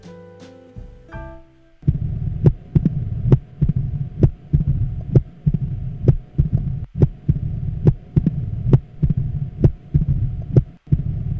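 Regular heart sounds with a sharp extra click after the second sound, giving a gallop-like rhythm, over a low continuous rumble in diastole. This is the opening snap of a narrowed mitral valve followed by a mid-diastolic murmur: mitral stenosis. Brief music at the start and a steady background hum.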